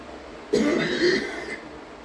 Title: hard coughing (f)